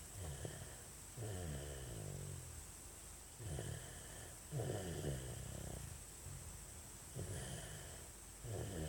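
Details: Soft, rattly low snores with each breath from a sleeping baby, against a steady background hum: snoring.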